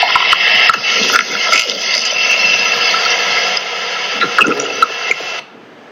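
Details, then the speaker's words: Normal bowel sounds in a teaching recording of abdominal auscultation: steady watery gurgling with scattered irregular clicks, reflecting normal intestinal motility. "Bueno, aquí vamos a tener la representación de los ruidos intestinales normales."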